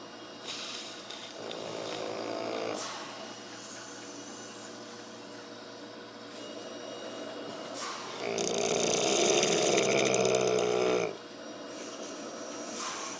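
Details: Snoring in a pit bull dog that has passed out asleep: two long, rough, rattling snores, each a few seconds long, with quieter breathing between them.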